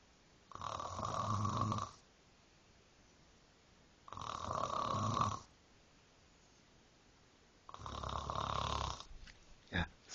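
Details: Three loud, rattling snores on inhalation, about 17 a minute, with quiet pauses between; ordinary snoring.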